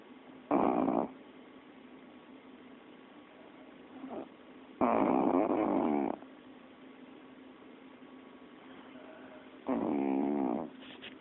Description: My cocker spaniel, Molly, snoring after a long day's... Well... Sleeping.